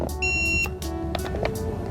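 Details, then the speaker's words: Repeating electronic alarm tones over a low hum as a wound therapy pump is tested with its canister removed and a finger over the rear nozzle; canister full alarm. "there it is canister full and you can just go ahead and follow the directions here if you want to uh turn off the alarm"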